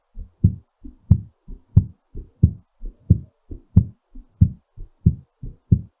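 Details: Regular, clear, crisp paired lub-dub beats at about 90 a minute, a normal heartbeat somewhat fast while recovering from exercise.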